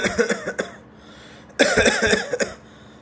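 Two bursts of short coughs, all on the out-breath with no crowing in-breath, imitating a pneumonia cough.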